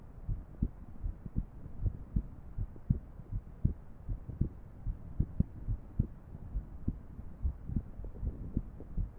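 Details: Heart sounds with an irregular heartbeat.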